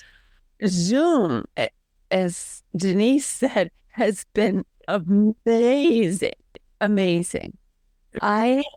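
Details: Aphasia in a woman 12 years after a stroke who advocates for stroke and aphasia; halting speech.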